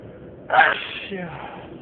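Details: Person driving a car during a long sneezing fit: a single sharp, explosive sneeze with a brief voiced tail.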